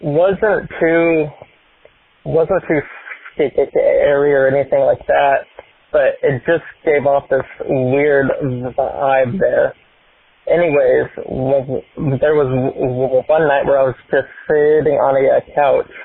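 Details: Stuttering in an adult man who describes himself as having a speech impediment and a stutter.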